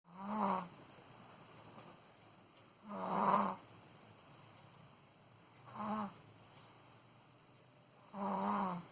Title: baby snoring @ 13.7 months